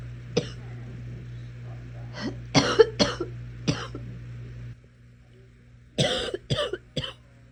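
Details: Eight or nine short, sharp, dry-sounding adult coughs in clusters over a steady low hum of room or TV noise.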